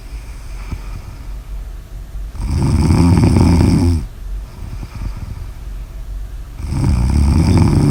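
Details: Loud, low, rattling snores on each in-breath, alternating with quieter out-breaths, about 14 breaths a minute; typical snoring.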